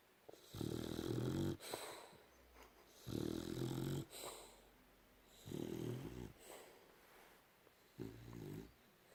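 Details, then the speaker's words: Boxer dog snoring while asleep on a bed at night: four rumbling, rattly snores on inhalation, roughly 26 a minute, with quiet breathing between. "As always, I'm on the very end of the bed, and I've got a dog snoring"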